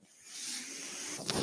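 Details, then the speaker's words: Mechanical ventilator of the podcaster, heard while he talks: a steady airy hiss rises and holds about a second, then ends in a brief puff; one ventilator breath. "that noise you're hearing is my ventilator and welcome to page-turners"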